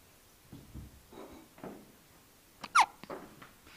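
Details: Baby girl with hiccups around mealtime: soft, quiet catches and breaths at irregular intervals, one sharper gulp-like hiccup, in a quiet room.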